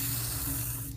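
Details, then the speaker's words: Paronychia, infection at the side of a nail, before incision and drainage without lidocaine: about a second of steady hiss from an aerosol can of cold spray numbing the skin; vapocoolant spray. "Here, you want me to do the cold spray? Yeah, but you have to kind of be ready or not. Okay, I'm gonna spray this. Spray it."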